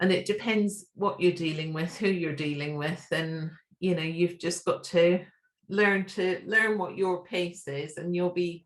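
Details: Adult woman speaking; normal adult speech.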